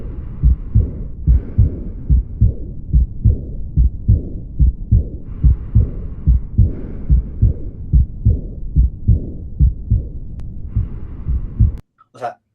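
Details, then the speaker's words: Aortic regurgitation (aortic insufficiency) teaching recording, heard closer up: regular heartbeat near 72 a minute with a soft blowing diastolic murmur after the second heart sound. "¿cómo deberíamos escuchar una insuficiencia órtica, chicos? ¿Cómo se debería escuchar? Soplo diastólico, soplo sistólico, un soplo."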